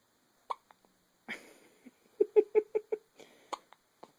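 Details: 8-day-old baby boy with hiccups: quick run of sharp hiccup catches, about five per second, with soft fussing; ordinary newborn hiccups.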